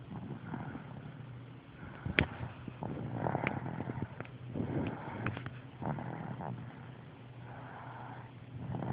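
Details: Repeated rough, rumbling breath noises every couple of seconds in a quiet room, a child's loud snoring with a deep, adult-like quality; snoring.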